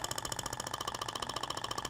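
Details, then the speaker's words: Rapid, regular clicking pulses at about 15 per second from an IBRAMED Thork radial shockwave device (max 200 mJ) firing at 90° on the abdomen, applicator moved slowly in a zigzag, tissue visibly vibrating. "E aí é interessante que você consegue visualizar a propagação da onda você vê que até o tecido vibra né"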